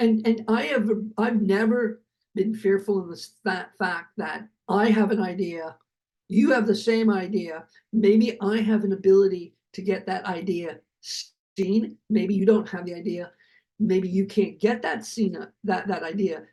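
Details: Adult male Hollywood producer who survived a heart attack and aphasia, speaking in an interview. Finding: aphasia.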